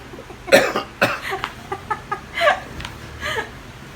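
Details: Man coughing from stinky cooking fumes of shrimp paste being fried: repeated harsh coughs in a run of about seven bursts, a reflex response to irritating fumes.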